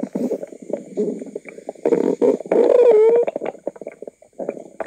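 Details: Loud, bubbly gurgles and rumbles with a brief squeaky, rising-and-falling tone from a woman's noisy tummy; active bowel sounds, ordinary stomach rumbling (borborygmi).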